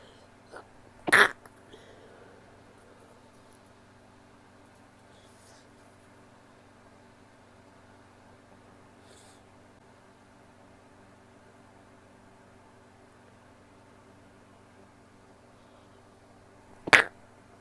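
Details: Female, stifled sneezes: two brief, muffled bursts far apart in a quiet room, sneezes held back with a closed mouth.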